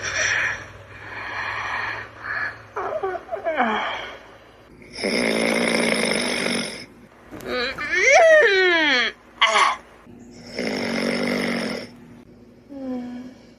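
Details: Loud, rough, rumbling snores alternating with squeaky rising and falling calls and whistles from a sleeping dragon, recorded outside; loud snoring.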